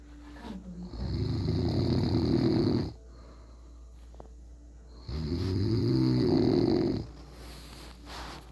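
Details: Snoring recorded at 2:38 am: two long, loud, rattling snores with quiet pauses between them, about 7 breaths a minute; ordinary heavy snoring.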